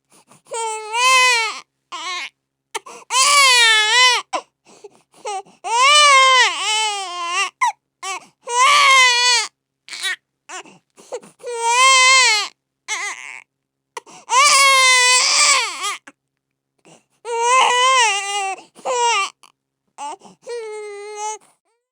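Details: Baby crying sound effect: loud, high-pitched rhythmic infant crying with long wailing cries separated by short gasping breaths.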